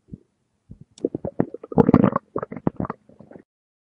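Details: Sound-effect recording of bursts of low gurgling, squelching rumbles with brief pauses between them: stomach growling (borborygmi).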